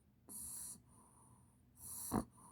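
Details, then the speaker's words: A sleeper makes soft breathy noises and a short nasal snort, a snoring-like sound, with background music; snorting. "e aqui ó tem uma pessoinha que tá roncando"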